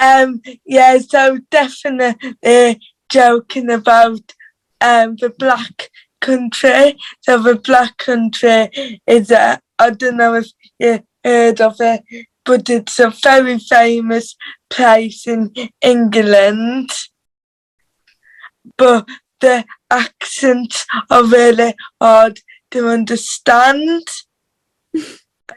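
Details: Dysarthria due to cerebral palsy in a teenage girl whose speech is harder to understand because of cerebral palsy.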